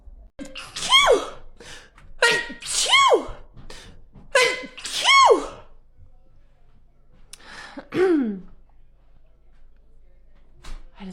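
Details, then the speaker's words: Girl with allergies has a sneeze attack: about five loud sneezes in quick succession, each with a sharp inhaled lead-in; repeated sneezing. "had a sneeze attack we're good we're done"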